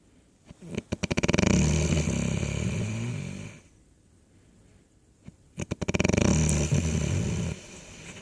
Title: Snoring